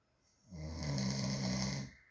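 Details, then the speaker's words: Man snoring in sleep, described by partner as loud: a single loud, rattling, low snore lasting over a second in a quiet room; he is told to close his mouth. "He tells me that I sound like I snore really loud, but do you guys hear this?"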